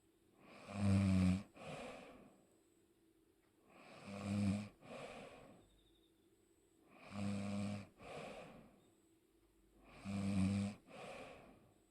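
Four loud, rough snoring breaths in about 12 seconds, each a low rattling inhale followed by a softer exhale; ordinary sleep snoring.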